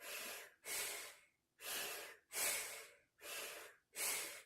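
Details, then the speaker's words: Adult with sleep apnea, after VSG weight-loss surgery, wearing a CPAP mask with the machine still switched off: loud, airy breaths in and out, about 37 a minute; audible mouth breathing. "as you can see I can breathe and I can you know I'm breathing you can hear me breathing it's not on"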